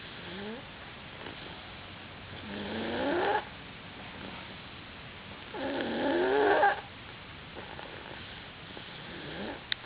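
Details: Two long, rough, rattling breaths about three seconds apart from JoJo, a sleeping cat, with quiet between them; snoring.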